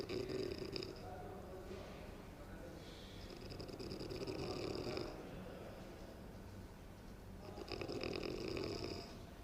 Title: Snoring in public place